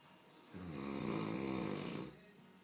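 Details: Sleeping Greater Swiss Mountain Dog, nicknamed "snore bear," snoring: one long, rumbling, fluttering snore lasting about one and a half seconds.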